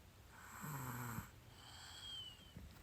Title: Baby snores